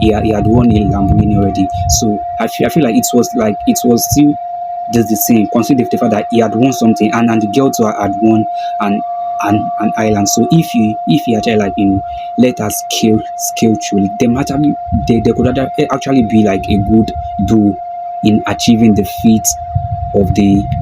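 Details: Male video host who self-identifies as a stammerer, stuttering with a broken word and a repeated word; stuttering.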